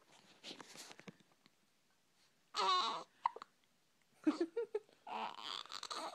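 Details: Infant boy with hiccups: several brief, sharp hiccup sounds mixed with short fussy cries and whimpers in a quiet room.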